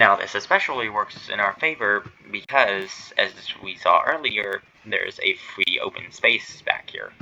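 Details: Male streamer who says he stutters and that streaming, here his first stream, makes it worse; stuttering.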